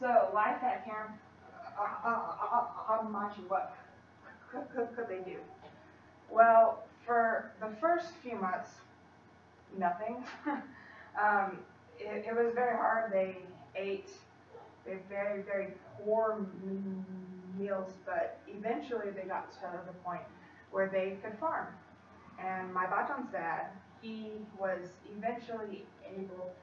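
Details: Female college student who stutters, in speech-language therapy with a fluency technique she sometimes struggles to use, giving a practice presentation to 10-15 people at her clinic, trying not to avoid or substitute words; she stutters more before unfamiliar people or large audiences; stuttering.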